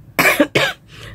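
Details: Two harsh, forceful coughs in quick succession from an adult overseas worker who still works despite three days of illness with a high fever and a worsening cough.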